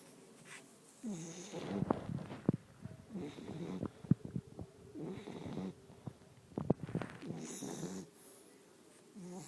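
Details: 10-week-old Olde English Bulldogge puppy sleeping: rough, rattling snores, about four noisy breaths in under ten seconds with snorting catches and brief quiet gaps; snoring.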